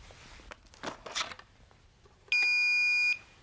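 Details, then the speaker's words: Handling and rustling noises, then a steady high electronic beep lasting under a second: a Philips HeartStart Home AED power-on tone after its green handle is pulled, before voice prompts begin. "First, you'll pull up on the green handle to remove the hard cover. Now, this will turn on the defibrillator. You can also turn it on by pressing the green onoff button."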